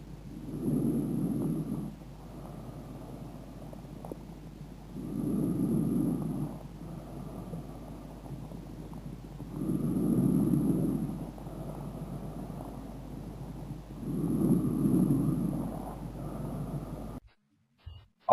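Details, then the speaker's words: Soft, low, continuous rushing breath sounds in even cycles, about 13 breaths a minute, longer on inspiration than expiration, taught as the normal vesicular murmur in a chest-examination lesson; normal vesicular breath sounds. "o grupo lá normal recebe a denominação e no muro veicular e consiste num vídeo suave para a tonalidade contínuo durante a inspiração e curto na inspiração"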